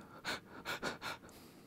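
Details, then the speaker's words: Four quick, short, airy breaths in under two seconds, imitated during an English lesson to demonstrate a shallow or short breath: imitated shallow breathing. "you can take a deep breath you can take a shallow or short breath"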